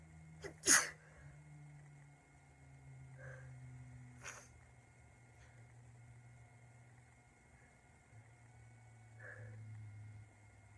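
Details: A girl with a really bad cold: one sharp, forceful sneeze followed by a few softer sneezes or sniffs.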